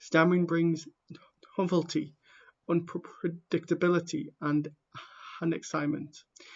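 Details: Someone who stammers reading aloud the introduction to a book, with real stammering in the reading: stammering.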